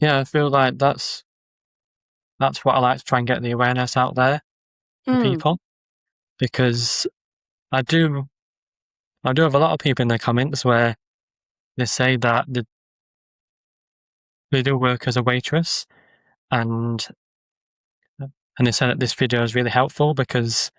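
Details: Adult man with a stammer who uses social media videos to build confidence; word and phrase repetitions and pauses; stammering (stuttering).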